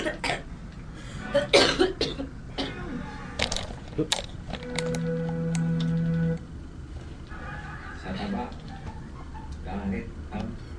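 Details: Young Filipina woman, a heavy cigarette smoker, coughs in real, unacted fits while taking deep puffs: several short, harsh coughs in quick succession, with music and talk behind: smoker's cough.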